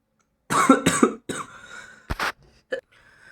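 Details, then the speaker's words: Several loose, fairly harsh coughs in quick succession with a throat-clearing quality, from an adult on the fifth or sixth day of a mild cold with partly blocked nose and slightly sore, scratchy throat. "तो थोड़ी सी जुखाम खासी थोड़ी सी जुखाम खासी है"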